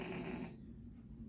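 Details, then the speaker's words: Brief, low, rattling snore fading into quiet breathing with faint room noise, from a dog sleeping after keeping its owner up until 3 a.m.; ordinary dog snoring. "the one who's snoring yeah can you hear me snoring the one that's snoring right now sleeping because him and goer kept mom up like till 3:00 in the morning"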